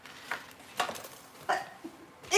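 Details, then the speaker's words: Brief, squeaky, muffled bursts from an adult deliberately holding in a sneeze during a live stream, the burst held back rather than released; the adult says they always hold in their sneezes. "i hold in my sneezes so if you could hear that that was me holding in my sneeze"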